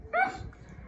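A single sudden, high yelping bark-like cry, a vocal tic of Tourette syndrome.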